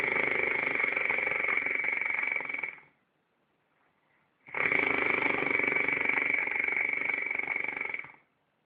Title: Listen to this snoring